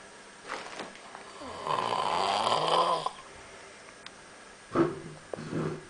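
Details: Snoring in sleep, recorded while travelling in Valencia: a rough, rattling snore followed by softer snorting breaths against faint room noise.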